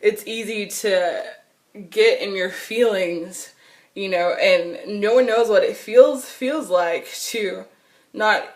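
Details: Adult woman who has stuttered since she began talking in childhood and still stutters; nervousness, excitement or anger intensify it and phone calls make it far worse; stuttering.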